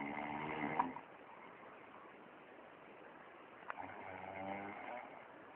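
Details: Snoring recorded in Hermosillo, Sonora, 2018; two soft, rough, fluttering breath sounds separated by a quiet pause; snoring.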